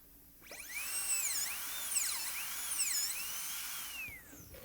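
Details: High-speed dental handpiece in a simulation lab, preparing tooth #18 on a typodont for a gold onlay while refining the distal box and axial depth: a high-pitched whine that dips in pitch under cutting load and rises again, with suction hissing behind.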